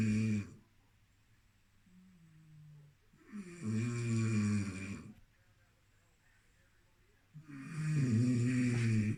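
Loud, rough vibrating snores about 14 times a minute, with quiet pauses between them; snoring.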